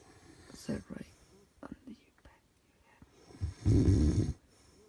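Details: Audio-only recording of a sleeping adult man snoring: soft breathy sounds, then one loud, low, rattling snore on an in-breath, with quiet room noise.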